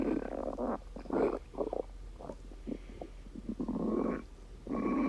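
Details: Irregular gurgling, bubbling stomach rumbles in bursts with short pauses, from gas and fluid moving through the gut.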